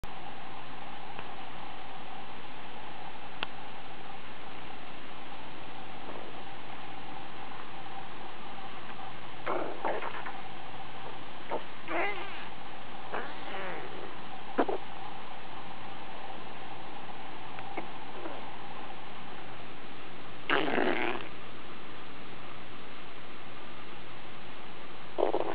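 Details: Small dog with loud, squelchy stomach gurgling (borborygmi) over a steady hum; the dog seems unbothered with no sign of pain, and no diarrhea followed. The owner wonders whether it was very hungry.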